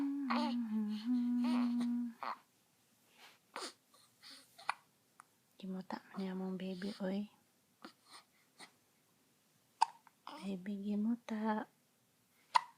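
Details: Baby awake early in the morning with hiccups: cooing and babbling broken by a few brief, sharp, irregular hiccup catches in a quiet room; hiccups.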